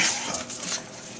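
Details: 15-year-old boy with Tourette syndrome, motor tics since age 10, vocal tics since age 11.5, multiple facial tics, negative MRI; initial visit before oral appliance fitting; vocal tic.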